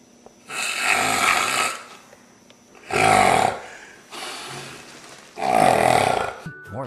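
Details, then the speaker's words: Long bursts of loud, harsh, rattling snores repeating over background music, presented as an example of heavy snoring in a piece on sleep disorders and CPAP devices; snoring. "yep your snoring is putting a damper on things at home and you know it can increase the chance of strokes and heart attacks"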